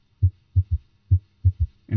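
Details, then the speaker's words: Heartbeat about 68 a minute with a soft extra low thud after the second sound, heard with the stethoscope bell placed lightly over the apical impulse; third heart sound (S3) that disappears with firm pressure. "if the patient had an audible s3 it would sound like this"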